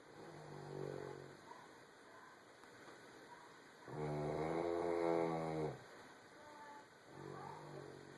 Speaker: you sure are noisy.